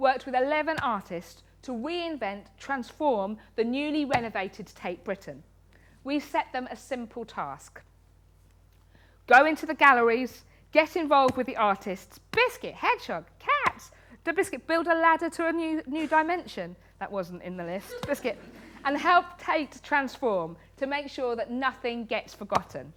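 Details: Woman in her 30s with Tourette syndrome since age six, a spectrum condition, with frequent involuntary word tics and coprolalia (obscene tics); Tourette syndrome vocal tics.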